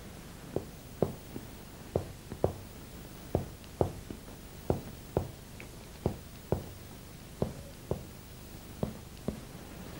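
Repeated finger-percussion taps down the back, resonant over lung and duller at the diaphragm, a normal finding.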